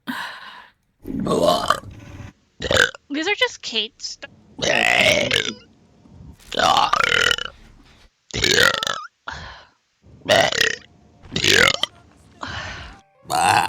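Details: Repeated burping from a vtuber's stream compilation: about a dozen loud, croaking, voiced belches, some long and drawn out, separated by short pauses.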